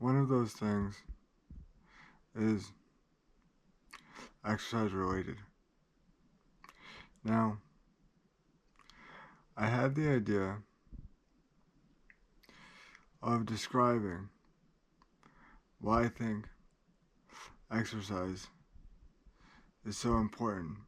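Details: Adult man with cerebral palsy who describes great limitations; dysarthria (cerebral palsy).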